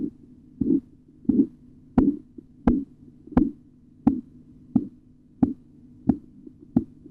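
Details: Korotkoff sounds during a blood pressure measurement auscultatory tutorial: regular tapping pulse sounds about 87 a minute as the cuff deflates.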